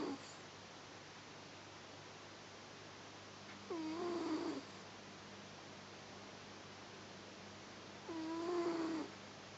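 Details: Newly adopted male cat snoring while sleeping: two soft, tonal snores about four seconds apart in a quiet room; ordinary snoring.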